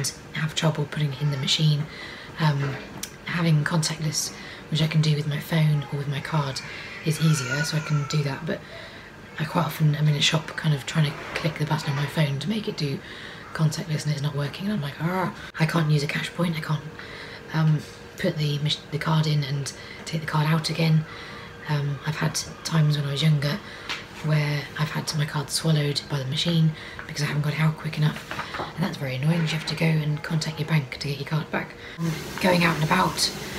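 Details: Adult woman with Charcot-Marie-Tooth disease affecting her peripheral nerves, diaphragm and vocal cords; often misheard or unheard, with straining causing dry voice, strain and pain; vocal cord paralysis.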